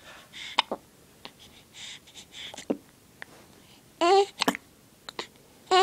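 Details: Young child with hiccups: brief, abrupt voiced catches at irregular intervals, mixed with whimpering vocal sounds.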